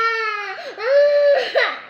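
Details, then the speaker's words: A young child cries in high, tonal wails with sobbing breaks for about a minute, upset about having to go for an Eid haircut, while being calmed. "আমরা শান্ত করাচ্ছি, আমরা কান্দা recording recording আর recording 1 minute ধরে কান্দেছে।"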